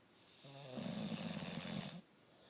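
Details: English Bulldog snoring: a single buzzing, fluttering snore lasting over a second, followed by quiet breathing.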